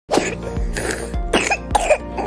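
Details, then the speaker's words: Young child suddenly coughing in public, a very loud cough; cough. "Si kecil tiba-tiba batuk. Malu deh sama yang lain. Suara batuknya kencang banget."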